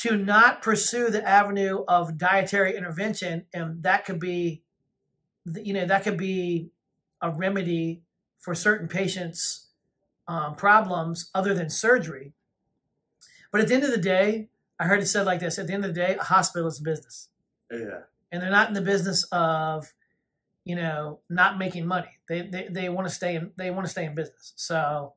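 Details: Adult speaker; ordinary speech.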